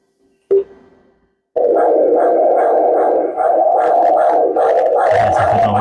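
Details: Live maternal-fetal Doppler teaching scan with the mother asked to hold her breath. After a click and brief pause, a rhythmic whooshing pulse at about 146 a minute: normal fetal middle cerebral artery spectral Doppler signal.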